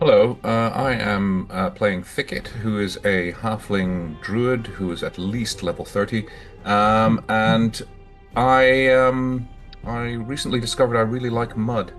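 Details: Adult male speaker; normal voice.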